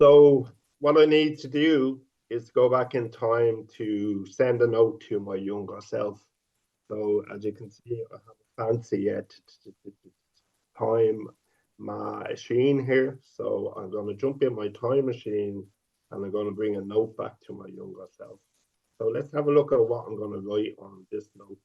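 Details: 50-year-old man who has stuttered since age five and stutters openly; stuttering.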